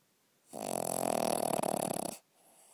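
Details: A dog snoring at night: one loud, rattling snore lasting under two seconds, with quiet before and after.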